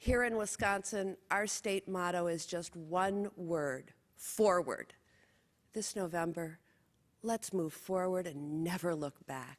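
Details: Adult woman; normal speech.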